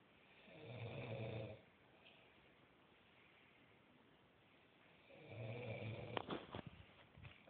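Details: Two low, rumbling snores on inhalation separated by a quiet pause, with faint rustling after the second; ordinary snoring.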